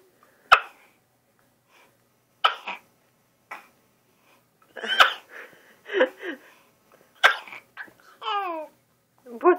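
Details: Small child sneezing repeatedly: about six sharp, explosive sneezes with small vocal sounds and breaths between; followed by "bless you."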